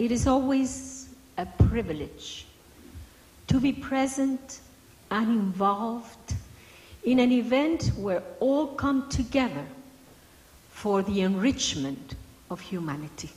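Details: Adult woman speaking; no disorder.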